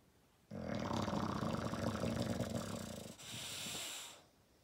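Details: Dog snoring extremely loudly; loud, rough, fluttering snore on the in-breath, then softer airy out-breath; heavy snoring.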